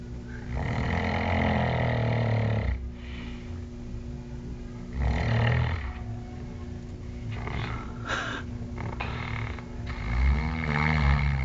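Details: Snoring: loud, rough, rumbling snores with snorting breaths and a steady hum in the background.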